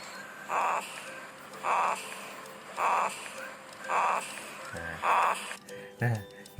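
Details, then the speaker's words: Loud snoring from El, recorded by chance while sleeping, later played back to him. "pas tidur si El ngorok nih."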